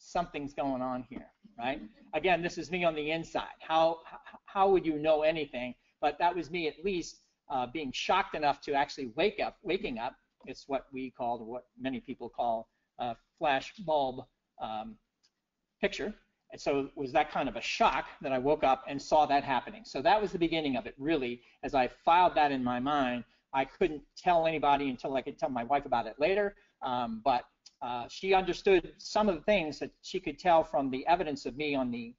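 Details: Adult man with persisting aphasia after a stroke in 2011, recorded years later (2017) during recovery; he previously could not read, write or speak well after the stroke; aphasia.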